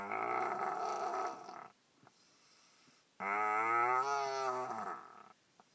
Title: Snoring boy sounds like cow